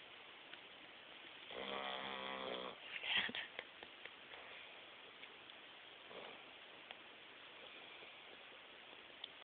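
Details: A napping Bugg dog (napping alongside a Boxer, which is said to be the loud snorer) gives one rough, rattling snore, then quieter snuffly breathing in a still room: snoring.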